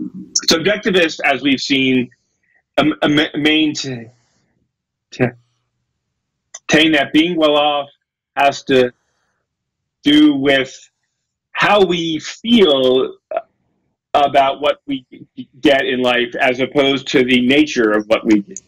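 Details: Adult male lecturer who says he has a speech impediment, stutters and gets stuck on his words, giving a talk; stuttering.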